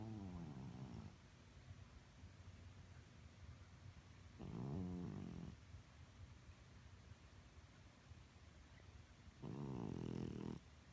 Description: My senior cat Betty occasionally snores and snores loudly.